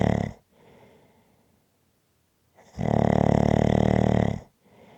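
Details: Person sleeping, recorded as relaxing ASMR snoring sounds: a loud, buzzy, fluttering snore on one in-breath, with quiet breathing between; ordinary snoring.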